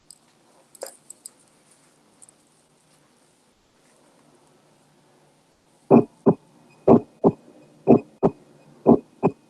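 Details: Split S1.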